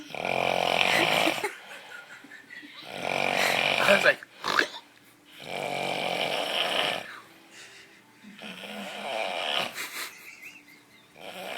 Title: Loudest Funniest Snoring Ever